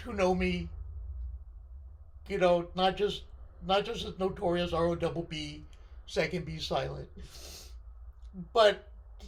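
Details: Left-sided vocal cord paralysis following surgery in a male speaker, limiting his control of his voice.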